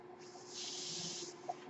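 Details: One airy hiss about a second long rising and fading over a faint steady hum: the speaker's own mechanical ventilator delivering a breath as they talk.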